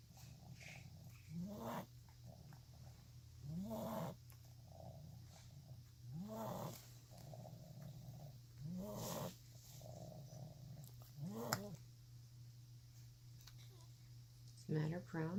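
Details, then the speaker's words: Dog making funny noises when she breathes, louder after drinking water according to her owner: repeated snorting, rattling noises with each breath, about five in fifteen seconds, over steady room hum; noisy breathing. "Usually after she drinks water, she makes a lot of noise too."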